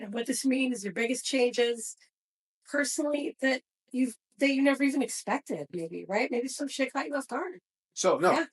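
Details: Adult woman speaking; normal speech.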